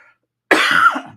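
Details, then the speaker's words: Adult with a lingering cough after illness, COVID test retaken and negative: after a short silence, one harsh, voiced cough burst fades out, close to a throat clear. "mind you guys you will hear me coughing during this episode and I I took the I retook the covid test I am negative negative uh I'm negative but I have still have this lingering cough"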